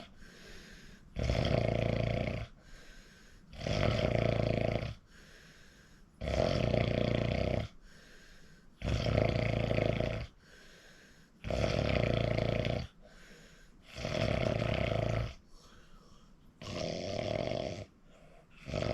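Loud, rough, rattling snores on each breath in, about eight in the recording, with quieter breathing out between them.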